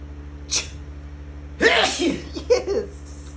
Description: Whole lotta sneezes after vapes to the nostrils with COVID-19